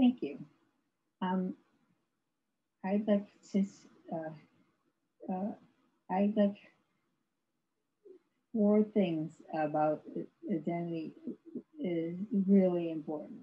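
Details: Woman with severe aphasia after a severe stroke in 2010; no speech for three years, with ongoing speech challenges, recorded in 2021, about 11 years post-stroke; aphasia after stroke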